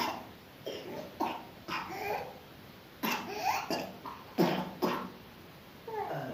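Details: Lingering cough with phlegm stuck in the throat, now coming up as the cough eases: repeated loose, wet productive coughs, about seven bursts in six seconds.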